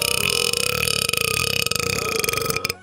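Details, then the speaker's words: Man burping after coffee and toaster strudels, having held in burps for over 20 minutes of recording: one long, rattling, croaky belch lasting nearly three seconds. "I had coffee and toaster strudels right before I started recording, so I've been like really just holding in burps this entire recording session"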